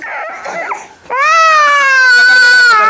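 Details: Young child crying in hospital while getting an injection in the hip, being coaxed with chocolate: a brief softer whimper, then a loud, sustained, high-pitched cry.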